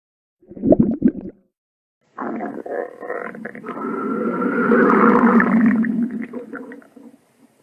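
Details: Fake cartoon stomach growl sound effect, not a real recording: a long, low, gurgling growl; stomach rumbling.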